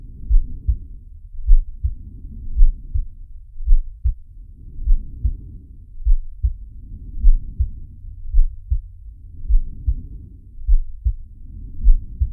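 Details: Animated cartoon shark character's heartbeat and breathing sound effect, not a real recording: low paired heart thumps over slow rhythmic breaths rising and falling about every two seconds.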